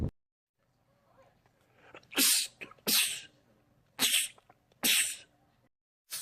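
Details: Four loud sneezes in quick succession, each with a sharp hiss and short breaths between; a man's rapid sneezing attack.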